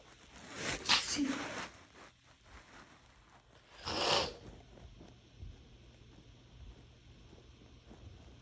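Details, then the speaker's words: Two wet, messy, half-stifled sneezes with bedding rustling, from an adult with a cold and a sensitive nose who has been sneezing on and off all morning. "These are super messy. I also have a cold, so I'm just easily triggered right now. Nose is also really sensitive. I've been sneezing on and off all morning."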